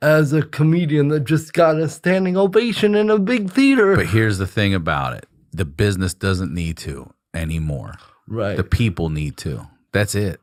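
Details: Adult male speaker; typical speech.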